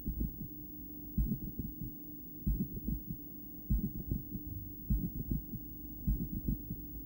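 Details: Female heart heard through a poorly placed stethoscope after breath play, going intermittently into bigeminal rhythm: irregular paired beats with a long pause, steady hum and breath noise behind.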